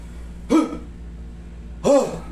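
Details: Two abrupt, short voiced catches about 1.3 seconds apart, fitting hiccups, recorded during a traditional hilot massage session.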